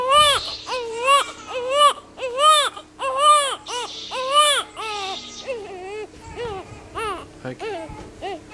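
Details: Young baby crying after a feed, with some milk spilled and then hiccups: loud, rhythmic crying in repeated wails, about 80 a minute, easing toward the end.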